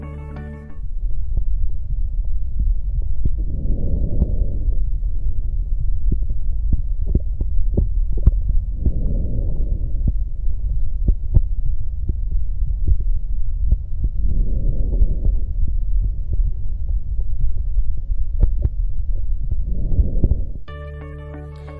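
Soft, low rustling breaths at about 11 a minute over a steady chest rumble and faint heartbeats: normal vesicular breath sounds. Brief music at the end.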